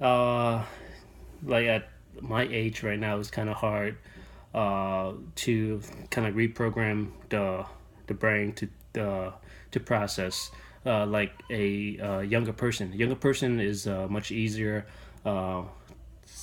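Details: Adult male with stuttering that began in childhood and persists into adulthood; he uses techniques to minimize it; stuttering.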